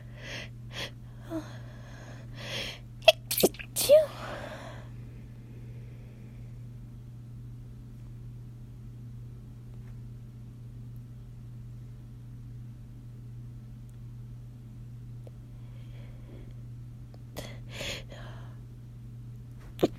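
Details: A run of short, muffled sneezes held back in the throat and nose, then quiet: stifled sneezes.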